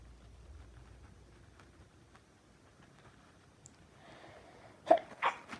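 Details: Two sharp sneezes in quick succession in a quiet room, from a person with bad allergies, attributed to perfume.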